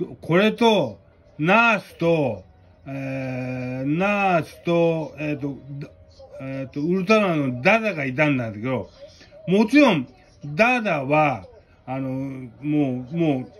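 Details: Japanese speaker with aphasia and hemiplegia/paralysis, indicated as following a cerebral hemorrhage.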